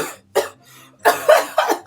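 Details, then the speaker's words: Four short, sharp coughs in quick succession from a woman tasting a spicy Coca-Cola signature mixer; she says she hadn't even drunk yet and blames the spicy fumes or gas inhaled into her throat. "J'ai même pas bu. Je sais pas pourquoi j'ai toussé."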